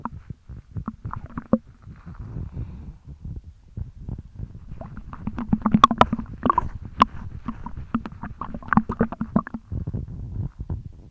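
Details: Repeated watery sloshes and gurgles from a full stomach being jiggled after drinking almost a litre of milk at once; stomach sloshing and gurgling.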